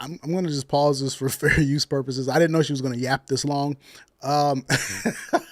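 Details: Adult male speaker; Normal speech.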